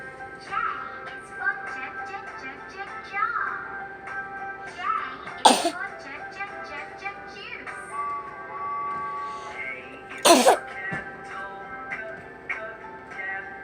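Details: Child coughing: two short, sharp cough bursts heard over steady background music.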